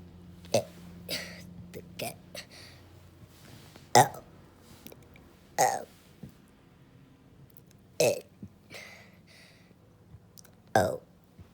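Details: Deliberate burping of the alphabet after it is spoken; about eight loud, brief, throaty voiced burps with long pauses between; repeated intentional belching.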